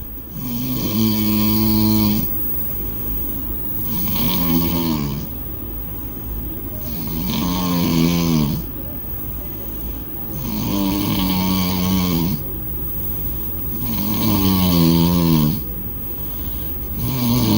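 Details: Woman snoring loudly after a party: loud, regular vibrating snores on each breath in, about five in 17 seconds, with quieter breaths out between.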